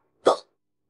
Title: #20 Drinks Beer and Gets Hiccups For You (AI)